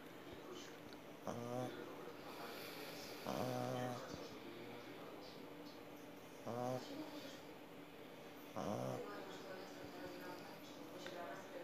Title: Snoring Pug